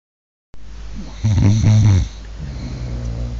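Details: A man snoring heavily: a loud, low, rattling snort on the in-breath, then a softer rumbling breath.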